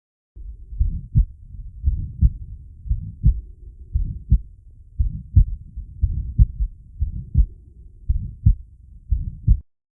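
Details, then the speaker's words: Systolic murmur of aortic stenosis, heart rate near 58/min, recorded with a Riester ri-sonic stethoscope and the Medsensio app: rough crescendo or crescendo-decrescendo murmur immediately after S1, with clear S1 and S2. "this murmur was recorded from a patient with aortic stenosis"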